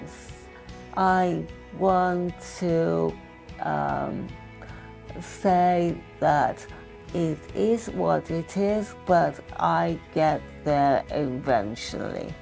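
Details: Retired adult woman with expressive aphasia after an ischemic stroke linked to heart arrhythmia diagnosed in early 2023, in post-acute rehabilitation; expressive aphasia.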